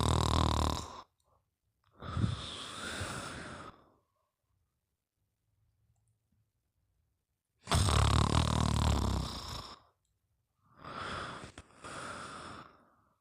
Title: Sleep with Fafa and her Friends: Mimi Sleeping & Snoring